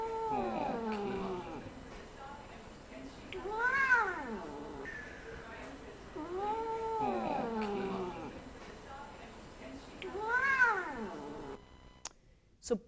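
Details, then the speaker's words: Repeated long, drawn-out, rising and falling yowls from a male cat after major orthopedic surgery; pain vocalization. "everyone agrees not a happy sounding cat yep um so he's had major orthopedic surgery"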